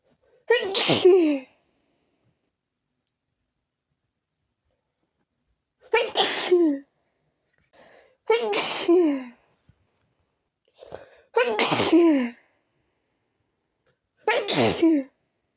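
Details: A habitual random sneeze attack that continued even after changing rooms: five forceful sneezes in about fifteen seconds, some with a quick preceding inhalation; a sneezing fit.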